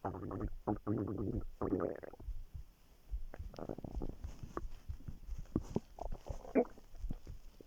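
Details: Low, drawn-out gurgling growls, then scattered bubbling pops, while lying on the stomach; stomach rumbling.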